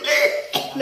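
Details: Adult cough, described as one that won't heal: a single short, harsh cough burst followed by a softer voiced sound.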